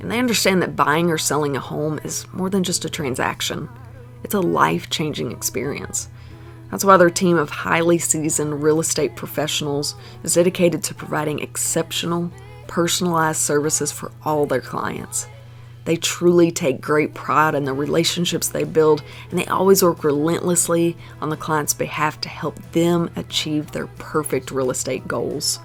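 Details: Adult speaker; typical speech.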